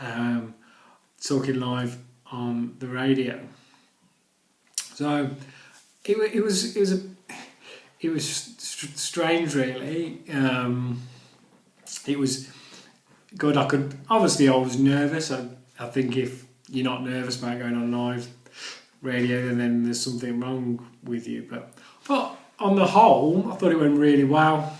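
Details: Adult who stammers; stuttering.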